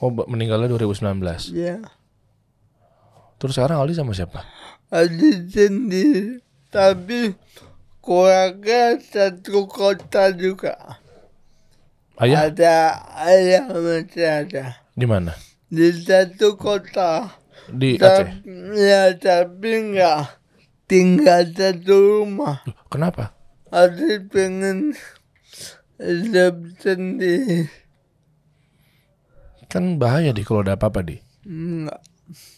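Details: Adult man born in 1987 with cerebral palsy from birth, attributed to a birth injury during a breech delivery and described as severe; he could not walk until age 9; real speech; dysarthria (cerebral palsy).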